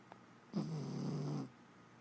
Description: My adorable and lovable jack russell, Laci, snoring.